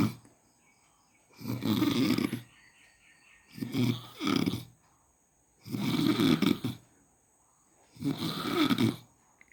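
Loud, rough snores with each breath, about 28 a minute, separated by quiet pauses; ordinary snoring.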